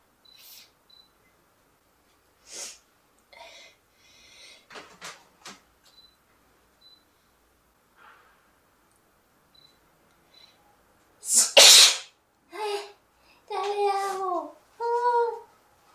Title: sneezing (sample)